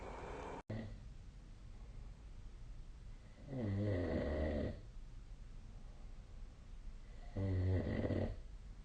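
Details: Sleep recording made with the SnoreLab app on 2025/01/26: two low, rough snores about four seconds apart, with quiet breathing between, in a small room. Snoring.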